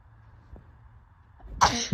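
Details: A quiet intake of breath, then one loud, explosive sneeze from a woman who reports chest pain when sneezing on a hot day; a sneeze.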